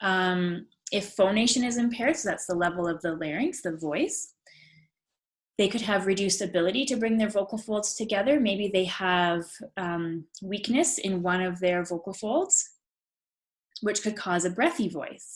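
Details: Adult woman speaking; typical speech.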